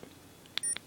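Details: A soft click, then a short high electronic beep from a Medtronic MiniMed insulin pump as a menu button is pressed while using the temporary basal settings; a normal confirmation tone.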